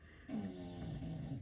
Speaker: Guys, do you hear the dog snoring behind me?